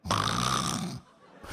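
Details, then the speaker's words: Adult man imitates snoring: about one second of rough, buzzing inhaled noise with a ringing, head-resonant quality, meant to show snoring resonating in the head. "我感觉他这个呼噜是从头顶这个头声发出来的这个这个人呼噜就相对来说鼻音比较重这个就是胸腔共鸣比较多这是胸腔共鸣鼻音比较重是这样的头腔比较重是这样的"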